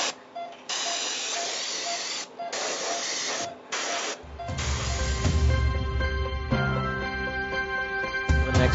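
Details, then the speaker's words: Dog under general anaesthesia for professional dental cleaning: steady hissing water spray in short bursts, lightly rinsing off disclosing solution to find stained plaque areas, then louder equipment hum with music. "we're going to rinse it a light rinse on it and if anything is stained behind and that's an area that we need to focus a little bit more on our cleaning so then we'll lightly rinse"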